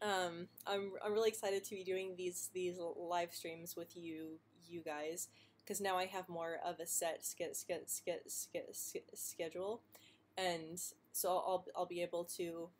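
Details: Adult woman who stutters, with blocks and prolonged first sounds, speaking spontaneously; the clip has word repetitions; stuttering.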